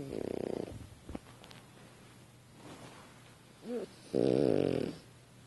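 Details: Female French Bulldog (Lucy) asleep on a couch: loud rattling snores with snorting breaths between, noisy breathing through a narrowed upper airway; snoring.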